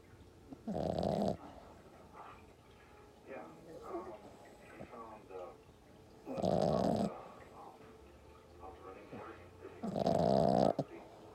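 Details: Sleeping French bulldog puppy snoring: three loud, rough snoring breaths a few seconds apart with quiet snuffling between; flat-faced dog snoring.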